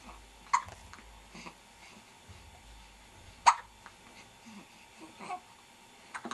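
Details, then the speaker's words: Soft, sharp catching hiccups at irregular intervals in a quiet room, two louder, from a baby who had frequent hiccups in the womb and still gets them fairly regularly; recorded 10/10/09. "has the hiccups. Oh, goodness."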